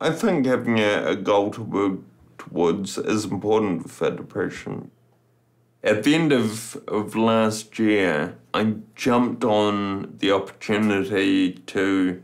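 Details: Man turning 30 with Friedreich's ataxia, a genetically inherited, progressive neuromuscular condition affecting coordination, balance and speech; ataxic dysarthria.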